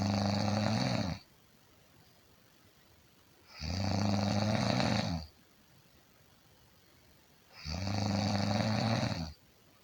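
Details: Heavy snoring: three loud, rough snores about 3.5 seconds apart, each with a harsh rattling quality, separated by quiet exhalation gaps.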